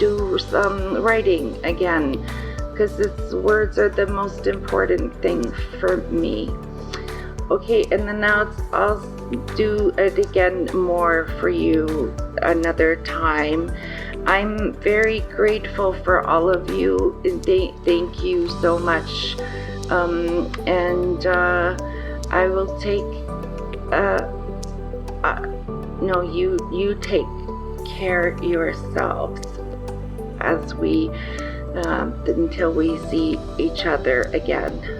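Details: 54-year-old woman with aphasia after a stroke on November 8, in rehabilitation; word-finding difficulty and trouble with small words and word order; aphasia.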